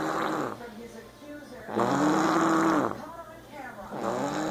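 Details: A mother sleeping on a couch snoring heavily: loud, rumbling snores with a rattling, vibrating quality on each breath, in a small room; snoring.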